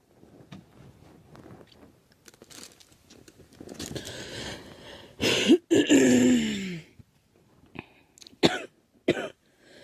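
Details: Girl who thinks she is getting a cold, with a scratchy, sore throat: soft throat noises building to a loud burst of harsh coughs, then a few short single coughs.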